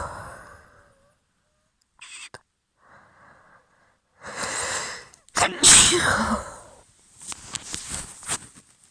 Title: Very wet allergy sneezes (f)